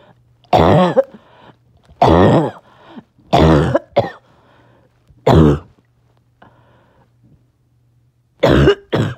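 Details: About six harsh, honking coughs, single or paired, separated by quiet pauses; a barking cough occurring on and off all day.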